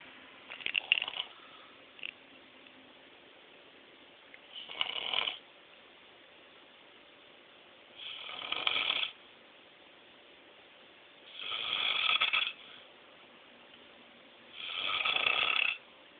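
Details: Five rough, hissing snoring breaths about 18 a minute on a muffled recording of an adult man sleeping, who denies that he snores; snoring.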